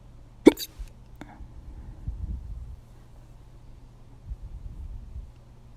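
One sharp, abrupt catch of breath, then a softer second one, with faint murmuring after; hiccups.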